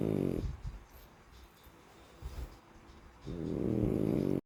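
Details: Sleeping French bulldog snoring: loud rumbling snores with a quiet pause between breaths.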